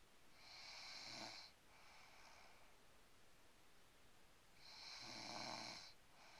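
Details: Asian girl (the uploader's sister) snoring while asleep during a car ride: soft, airy snores with a low buzz on each in-breath at a slow, steady sleep rhythm.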